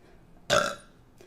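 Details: A single loud, rumbling burp under half a second long from a female streamer who says she is bloated and gassy: burping.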